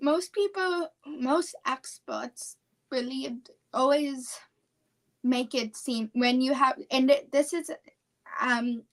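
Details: 17-year-old female high school senior with apraxia of speech, a neurological speech disorder; apraxia of speech.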